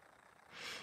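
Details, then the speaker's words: Sleeping French bulldog puppy snoring in an office, a breed said to snore heavily: a single airy, snorting breath. "Наверное вы слышите Как храпит у меня завели собаку маленький щенок и пока у меня сидит в кабинете сейчас он спит и храпит французский бульдог они по породе сильно храпят"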